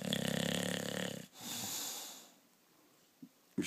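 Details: Snoring during sleep: one rattling, fluttering snore on the in-breath, then a softer hissing breath out.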